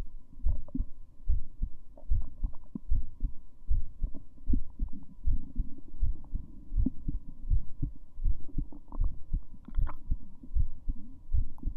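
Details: Female heartbeat, steady low lub-dub at about 77 beats a minute with a faint hum behind; normal heartbeat.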